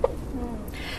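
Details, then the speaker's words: Teenager with persistent hiccups for 10 weeks, starting after lunch. They keep the same frequency, stop in deep sleep and return in light sleep. Audible repeated hiccups; prolonged intractable hiccups. "Dr Brian hope obviously we we can see and hear the hiccups there I mean what are hiccups we don't normally hear of them being so prolonged do we"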